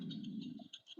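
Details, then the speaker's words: A brief low rolling rumble under a second, an ordinary stomach growl from the adult presenter during a live craft build. "Oh, that was my stomach growling. I don't know if yall about to hear that."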